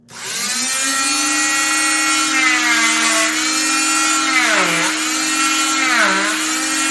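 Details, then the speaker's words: Oscillating cast saw removing a fiberglass short arm cast, cut in a straight line along the ventral side of the arm: loud steady high whine, pitch dipping briefly as it bites into the cast. "So again, it's just a straight line this way, a straight line on the ventral side of the arm."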